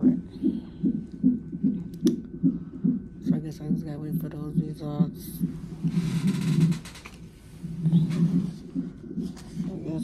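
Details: Woman 34 weeks pregnant in labor and delivery triage with severe pain and pressure, possibly Braxton Hicks. Fetal heart tones on the fetal monitor, described as a very good, strong heartbeat.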